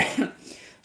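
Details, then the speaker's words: A single short, sharp cough from an adult woman with a lingering cold caught in hot weather, in a small quiet room; cough. "2秒前に私は大丈夫だと言いましたが、また咳が出ます。でも、なぜなら、先週に比べれば大丈夫です"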